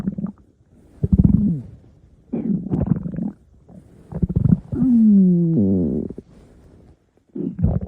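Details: Loud gurgling and rumbling bursts with a long drawn-out whining growl; ordinary stomach growling (borborygmi).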